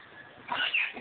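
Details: Stressed cat on medication giving a single short, harsh, airy "potato chip" cough after a quiet moment.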